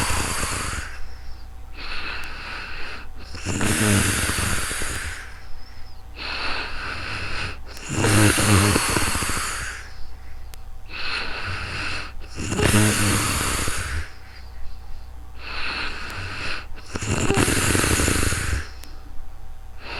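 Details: Real-time recording on a new microphone of a person sleeping: loud rattling snores on each inhalation with hissing exhalations, about 13 breaths per minute; ordinary snoring.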